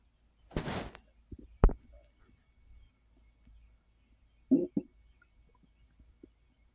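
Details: Gurgling rumbles and short watery pops in a few bursts from a full belly while the person rests after overeating following a gummy; digestive bowel sounds (borborygmi).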